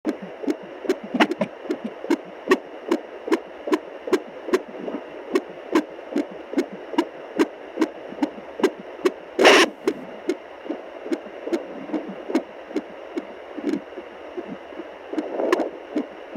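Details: Fetal heartbeat of a baby girl at 24 weeks of pregnancy on a fetal Doppler: fast, steady whooshing at about 145 beats a minute.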